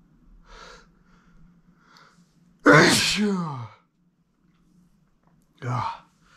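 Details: Male with seasonal pollen allergy: soft catching breaths build to one loud, voiced explosive sneeze, then a shorter second sneeze; allergic sneezing.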